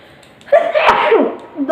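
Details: One loud voiced sneeze with a sharp onset and trailing breath, recorded for a sneezing challenge; an ordinary sneeze.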